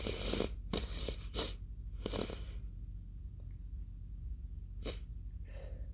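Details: Stifled sneezing fit in a female: a run of short, muffled, hissing sneezes held back through closed lips, then a fuller explosive sneeze near the end.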